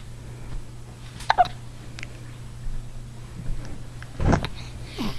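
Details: Hiccups in a baby who had been grinning on a parent's lap and had spit up but not burped: a few brief, abrupt catching sounds over a steady low room hum.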